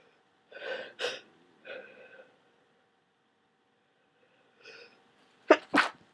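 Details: Person with a common cold, very wet and snotty, who has gone through a box of tissues: several sharp, wet sneezes with sniffly breaths between them; a sneezing fit, with a huge sneeze and nose blow at the end.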